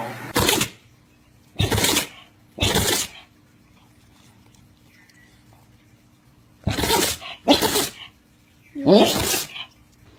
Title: HILARIOUS ANIMAL SNEEZES ! TRY NOT TO LAUGH. #funnyanimals